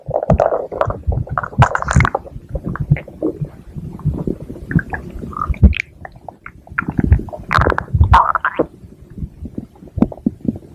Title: stomach growling (Reuplaoded)